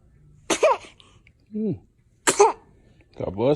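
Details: Infant sneezing repeatedly: two short, sharp bursts, each a quick sneeze, with soft baby vocal sounds between; adults saying bless you. Sneeze.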